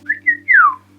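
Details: Involuntary whistling vocal tic in a person with Tourette syndrome.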